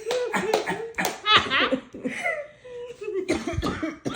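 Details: Several deliberate coughs from family members mixed with laughter and brief voices, coughing in place of words while singing happy birthday; cough.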